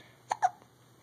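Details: 16-day-old newborn boy, alert and vocalizing at 5 a.m.: two short, abrupt little catch sounds in a quiet room; newborn hiccups.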